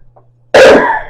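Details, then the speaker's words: Adult recovering from an illness with a stuffed-up nose and a cough that is bringing up phlegm: cough. "update um I am getting better I still have a cough as you can hear my nose is is still stuffed up but at least I'm getting it out coughing it up"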